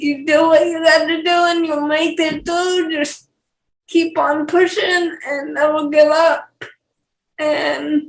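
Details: Dysarthria in a 28-year-old woman with cerebral palsy, who has speech issues that her fiancé, also with cerebral palsy, does not have.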